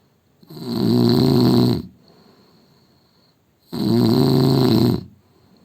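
Loud, deep rattling snores on each inward breath, with quiet pauses between; heavy snoring.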